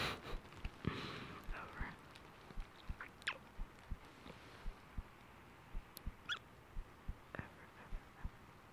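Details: Soft, regular low thumps of about 100 beats a minute under faint whispering and rustling, in an ASMR girlfriend role-play where songs are sung to help the listener sleep; heartbeat.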